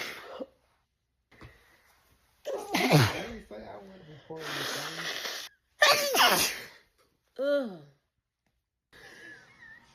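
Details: A sneezing fit from a Black woman, tagged allergic rhinitis, in a looped edit: several forceful sneezes in quick succession with sharp intakes and a brief high squeal between them.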